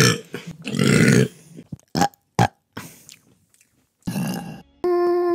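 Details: Woman burping: several loud, throaty burps in quick succession, ending in a beep-like tone, from a burp compilation with music; burping.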